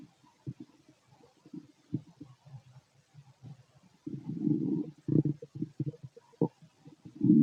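Irregular gurgles and bubbling rumbles, with quiet gaps between bursts; ordinary digestive bowel sounds.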